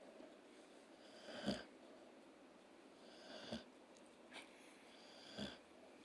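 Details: Snoring dog and kitten: quiet, slow snoring breaths with soft snorts, about 29 a minute, in a quiet room; animals snoring in sleep.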